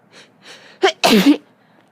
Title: More sneezes